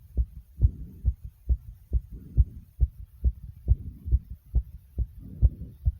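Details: Own heart racing after 65 jumping jacks: strong, regular low thumps at about 136–140 beats a minute with faint breathy rustle between some beats; sinus tachycardia, a normal response to exertion.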